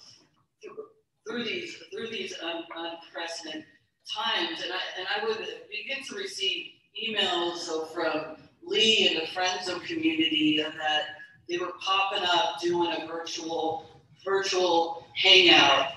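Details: Stuttering in an adult woman, a keynote speaker at a stuttering convention; she describes her stuttering as syllable repetitions, hesitations and prolonged consonants; stuttering.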